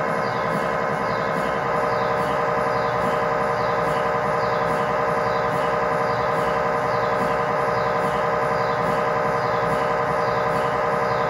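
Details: MRI scanner acoustic noise inside the scan room during a tibia/fibula (lower-leg) test scan with a GE high-definition lower-extremity coil, in a controlled environment: a steady, loud droning hum with fast, regular mechanical pulsing.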